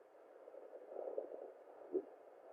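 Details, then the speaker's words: At 13 weeks of pregnancy, a home fetal Doppler picks up a muffled hiss with slow whooshing swells. This is the mother's own pulse, slower than the fetal heartbeat. "so that's my own pulse okay"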